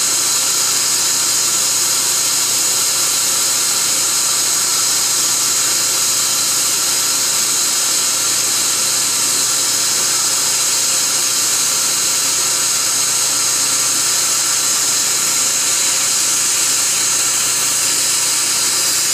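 Loud, steady, high-pitched hiss and whine of dental instruments running continuously during a laser-assisted root canal treatment.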